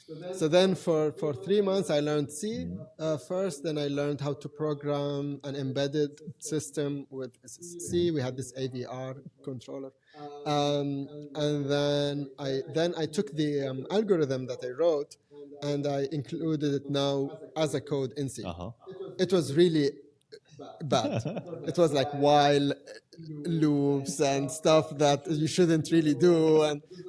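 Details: Adult man who has stuttered since childhood, now managed with techniques learned in therapy. Stuttering.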